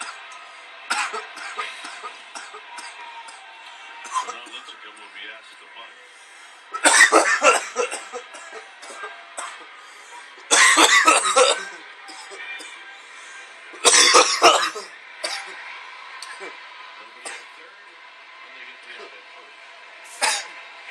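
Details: Repeated harsh cough bursts from an adult man, a coughing fit after inhaling a dab, with televised baseball commentary behind.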